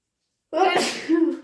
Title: Induced/cat allergy sneezes and a blow